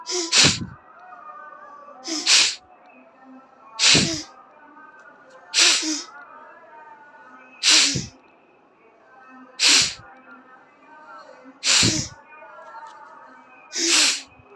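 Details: Repeated sneezing after Jal Neti nasal rinsing: eight sharp, hissing sneezes in a row, about every two seconds, with faint background sound between them.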